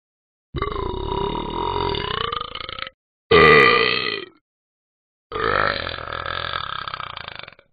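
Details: Simulated burping by an animated dog in the Talking Ben app: three long, loud, drawn-out belches separated by short pauses.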